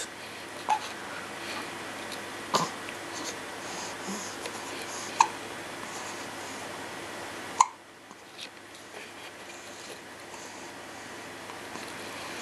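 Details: Infant hiccups in a 10-day-old baby: four brief, sharp hiccup sounds spaced a few seconds apart in a quiet room.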